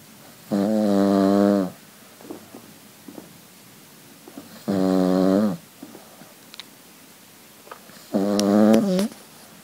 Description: SO LOUD!!!!! Sophie the cavalier king charles completely out of it. She snores far too much and far too loudly!